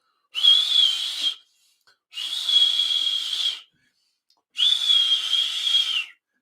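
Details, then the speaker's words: Three long, high, steady kettle-like whistles imitating the bruit of a dialysis fistula or graft; a high-pitched whistle rather than a whoosh suggests narrowing (stenosis) needing access maintenance; imitation. "listen for that whooshing sound whoosh or if what you hear sounds more like a pounding pulse or a whistling noise like a hot tea kettle"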